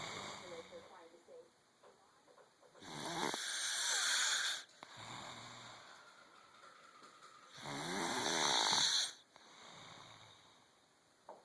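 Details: Man asleep, snoring like a baby bear: two loud, harsh, rattling inhaled snores with softer snorting out-breaths, about 13 breaths a minute.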